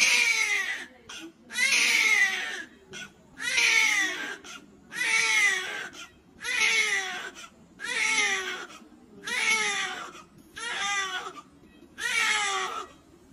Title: The first cry of a newborn, very cute